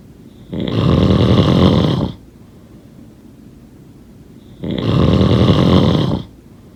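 Two long, loud rattling snores on breathing in, about four seconds apart, with quiet pauses between.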